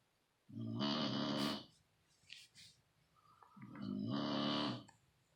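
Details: Loud, long, rattling snores with deep vibration, two with a quiet gap between them.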